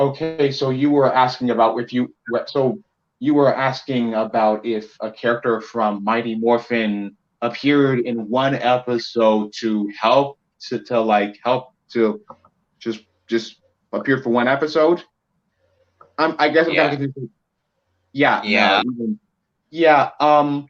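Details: Male speaker with a self-described speech impediment; speech disfluency with word and phrase repetitions.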